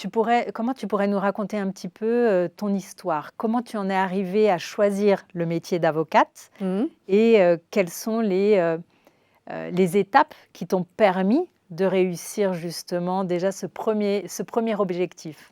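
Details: Adult woman speaking French; normal speech.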